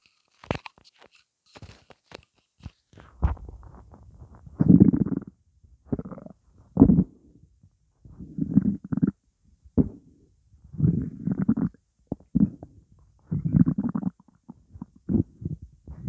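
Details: Repeated low gurgling rumbles in bursts with quiet gaps, recorded over 12 minutes of hunger with only water in the stomach; borborygmi (stomach growling).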